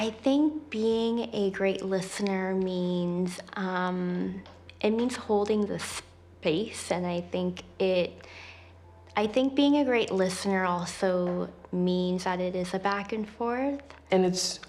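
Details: Stuttering in a person who stutters, co-hosting a live Disability Pride event; stuttering is described as a neurological disability causing prolongations, repetitions and blocks.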